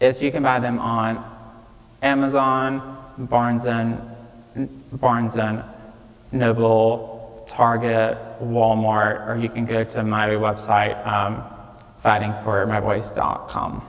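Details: 26-year-old man with childhood apraxia of speech, nonspeaking until age 5 and diagnosed at age 5, treated with speech therapy five times a week; he says it may take him more time to say what he wants; childhood apraxia of speech.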